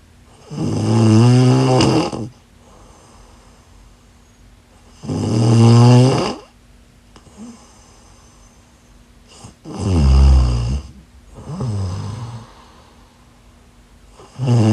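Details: Loud, rough, rattling inspiratory snores with quieter breaths between, about 14 a minute; ordinary snoring.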